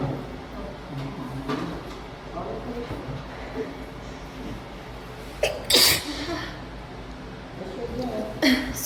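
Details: Sneezing fit in an echoing public restroom: two sharp, explosive sneezes a few seconds apart; a bout of sneezing.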